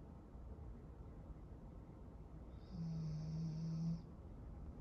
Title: Duchess Snore